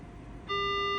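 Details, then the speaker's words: Anesthesia machine daily checkout: quiet room, then a steady high electronic tone as the machine signals successful completion of the low-pressure leak test after the plug is removed from the port; completion beep. "and you just successfully completed your low peak leak."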